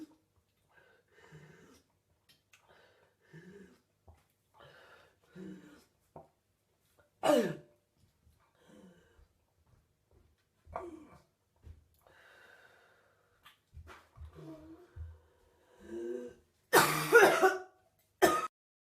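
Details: Adult woman (a mother) woke at 3 a.m. with a bad cough, coughing again: several harsh cough bursts mixed with strained, retching gag sounds in a quiet room; cough with gagging.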